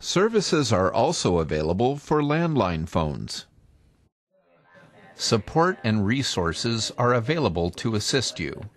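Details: Adult male narrator; normal speech.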